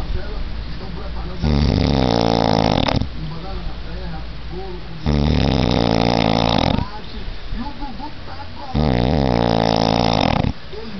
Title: roncando para matar